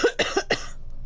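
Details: Quick run of about three harsh, barking coughs from an adult who says they have adenovirus and have been coughing like an old dog lately; barking cough.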